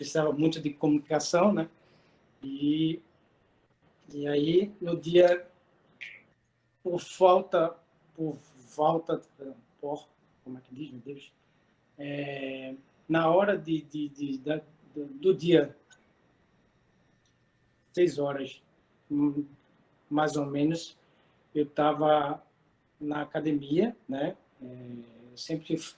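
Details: Adult woman, a retired occupational therapist, with aphasia for three and a half years after a stroke in December 2016; she still has difficulty with figurative language and needs others to speak slowly; aphasia.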